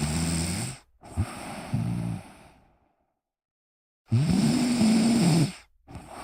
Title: Me Snoring whilst relaxing